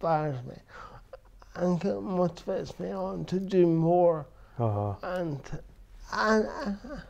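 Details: Dysarthria in an adult man with cerebral palsy since birth, which he says affects his verbal communication, balance and coordination.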